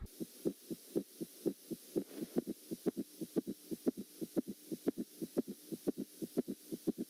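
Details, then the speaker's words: Teaching recording from a nursing heart-sounds lecture: fast, regular heartbeat near 120 a minute with an added low extra sound, a summation gallop. "والان لنستمع الى السميشن"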